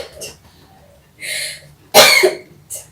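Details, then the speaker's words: Nursing student demonstration with an adult woman patient in semi-Fowler position, taught deep breathing and effective coughing to expel secretions or mucus: soft breaths followed by one strong deliberate cough. "saya disini akan melakukan tindakan Melati nafas dalam sama mengajari batuk efektif ini tujuannya untuk mengeluarkan sekret atau lendir yang Ibu rasakan"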